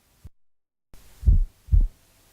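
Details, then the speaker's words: Soft, evenly spaced low thumps of an apical pulse heard by stethoscope: normal rate and regular rhythm, as in a healthy adult at rest (normal 60–100 beats a minute). "in a healthy individual the rhythm should be regular and the volume should be strong this pulse has a normal rate and rhythm"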